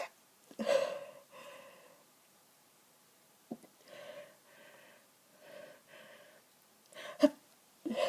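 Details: Several stifled, muffled sneezes with quick gasping inhalations between them, during bad hay fever with hours of congestion and a tickly nose; suppressed sneezing.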